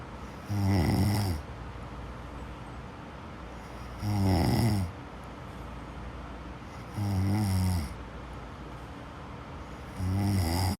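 Loud, low rattling snores on each breath, about 20 a minute, with quiet gaps between; ordinary sleep snoring.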